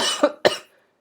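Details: Adult man with a sore throat lasting about three weeks, worse after long talking: two quick, harsh cough bursts fading into a quiet room, a short dry-sounding cough.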